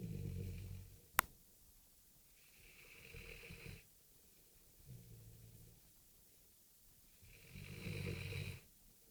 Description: Tia, a Rodesian Ridgeback snoring